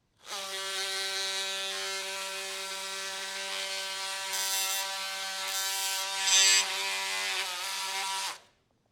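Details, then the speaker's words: Oscillating bone saw cutting the proximal tibia during total knee arthroplasty with mechanical alignment for knee osteoarthritis: steady high-pitched buzzing whine for about eight seconds, changing slightly as it loads. "keep the tip of the saw blade visible throughout the sawing process to avoid damaging sawt tissues"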